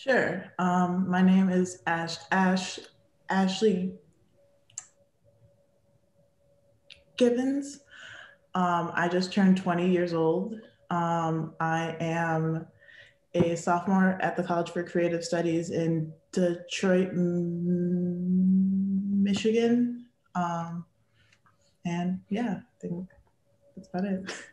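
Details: 20-year-old female college sophomore who has stuttered since childhood; stuttering.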